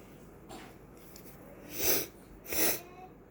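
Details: Person with an oncoming cold and plugged ears sneezes; some sneezes have an odd high pitch. Here a faint intake of breath, then two sharp, explosive bursts of air a moment apart, a pair of sneezes.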